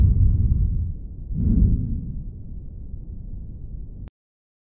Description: In diesem Video hörst du zunächst apikal physiologische Atemgeräusche und im Vergleich dazu links basal ein brummendes Atemnebengeräusch. Dieses tritt bei Obstruktion der intrathorakalen Atemwege auf, etwa bei COPD oder Asthma bronchiale.